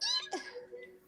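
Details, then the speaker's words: Single short, high-pitched sneeze with a sharp burst of air, then quiet; listeners said it sounded like a cricket sneezing, during a Monday night at home. "You gonna play crickets hell? after I sneeze?"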